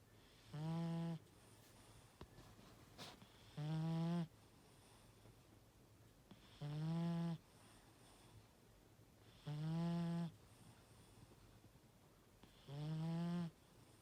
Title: Mister Tiger Snore ! 😴